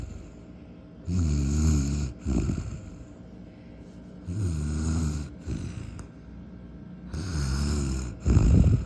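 Three loud, low, vibrating snores about three seconds apart, each followed by a short snorting out-breath; ordinary snoring.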